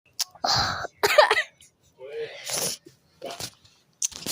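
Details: Several short, loose coughs from a sick child with throat clearing, in a quiet room; the child has been sick, congested, still slightly sniffling.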